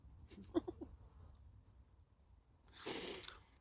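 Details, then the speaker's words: Cat giving a few short squeaky retches, then a harsh hacking burst while trying to cough up a hairball. "oh there a poor cat I'm trying to cough up a fball can you hear it poor"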